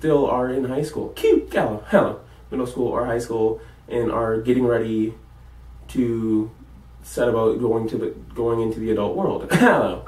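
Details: College student with Tourette syndrome; vocal tics such as repeated interjections ('Hello') while talking; Tourette syndrome vocal tics.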